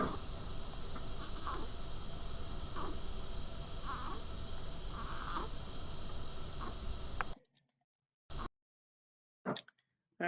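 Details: Child in respiratory distress, working very hard to breathe, with shoulders rising and deep intercostal and substernal retractions. Short, soft grunts recur with each breath out at about 50 a minute over background hiss: expiratory grunting.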